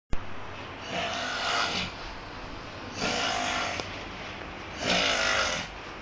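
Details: Man snoring loudly in his sleep, loud enough to wake a friend: three harsh, rasping snores on in-breaths about two seconds apart, about 30 breaths a minute.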